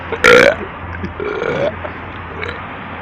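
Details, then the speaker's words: Midnight burping: one loud, deep belch, then quieter rumbling, over steady room hum; an ordinary burp. "Okay, guys, that was how to burp."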